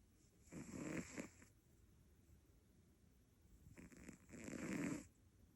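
Two soft, fluttering snoring breaths with a quiet gap between; a cat snoring while asleep.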